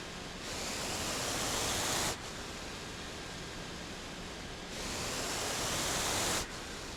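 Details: Home mechanical ventilator of a person living on a ventilator: a steady hiss with two stronger airflow surges of about two seconds each, roughly every four and a half seconds, as breaths are delivered.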